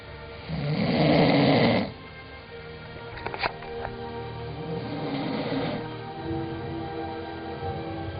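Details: Tired person sleeping, recorded by a younger brother: one loud rattling snore followed by a fainter one, over background music or TV; snoring.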